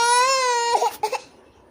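A single sustained, high-pitched infant wail that breaks into short sobbing catches and fades; ordinary infant crying.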